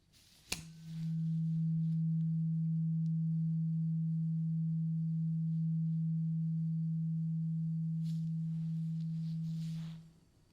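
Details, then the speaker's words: A tap, then a pure, low, steady hum ringing about nine seconds before fading: a tuning fork hearing check in an acted ASMR ear-exam roleplay, eyes closed, with no issues found. "So yeah, we are done with the tuning fork. You did pretty good. Not seeing any issues there."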